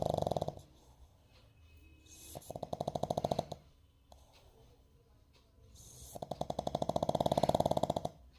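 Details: Sleeping puppy snoring with eyes slightly open: repeated rattling snores, each about a second and a half, with quiet pauses between them.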